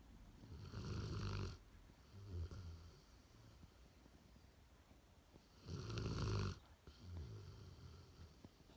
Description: Our 11 year old standard poodle Angel was caught snoring for the first time!